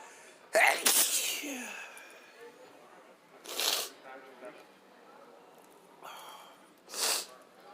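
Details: Sneezing fit, the first in a long time: three forceful sneezes in quick succession, each preceded by a brief in-breath.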